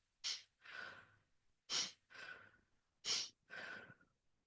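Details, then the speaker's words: Imitated vesicular breath sounds: three cycles, each a brief sharp breath then a softer, longer one; quiet, low-pitched sounds heard over all lung fields, with inspiration longer than expiration. "you have vascular breath sounds and that's when you have air movement in the bronchials and the Alvi uh you can hear these over uh all the lung fields and they're going to be kind of a quiet and low pitch sound"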